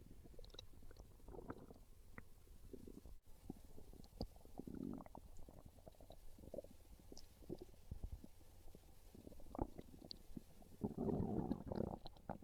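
Low gurgling rumbles and bubbly pops come and go irregularly: hungry stomach growls, a normal sound.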